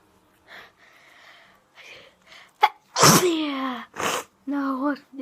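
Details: Female: soft breaths and a brief sound, then one sharp explosive sneeze followed by a short voiced exclamation; an ordinary sneeze.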